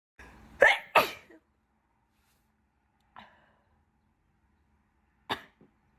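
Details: Person who blames bad pollen and an itchy nose: two quick wet sneezes in a row, then two softer, deliberately stifled sneezes after a pause.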